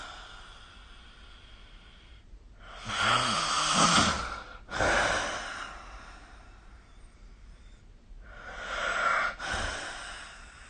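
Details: Three breathy, rasping snores over about ten seconds with soft hiss between them, recorded during sleep with the SnoreLab snoring app.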